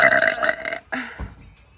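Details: A loud, resonant burp lasting under a second, followed by a shorter second belch, from a girl in a burp compilation.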